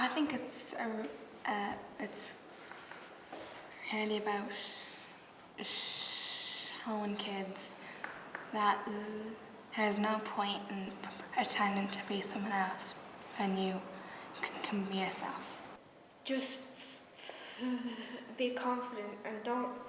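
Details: Stuttering in a young member of the Irish Stammering Association youth theatre for young people who stammer, with word repetitions.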